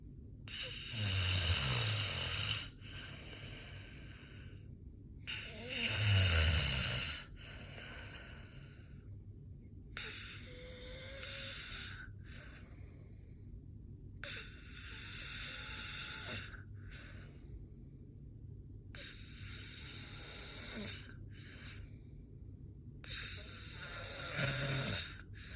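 Rough, rattling snores recur on each breath, about 13 a minute, with quiet pauses between.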